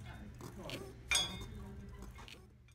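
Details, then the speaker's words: Knee crepitus in an adult woman at a gym, not painful for her: loud, serious crunching noise from inside the knee as it moves. "you can't see anything you can just hear some really serious crepitus so check it out that's really bad"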